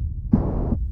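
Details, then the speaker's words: Simulated ventricular septal defect in a virtual-reality heart: a whooshing, garden-hose-like rush over a low hum as blood flows through the hole from one side to the other. "so in this case there is a hole in the heart so this weird garden hose sound is blood flowing from one side to the other"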